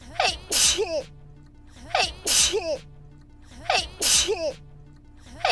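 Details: Three forceful sneezes from a VTuber, each with a quick inward breath then an explosive burst, about every two seconds; sneezes looped into a one-hour sneeze compilation made on viewer request.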